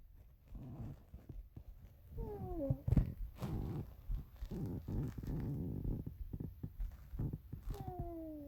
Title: B stomach growling